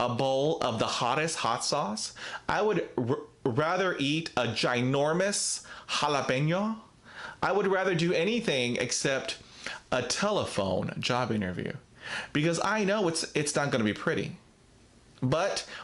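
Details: Real stuttering in an adult man who describes himself as a person who stutters, talking about a difficult speaking situation.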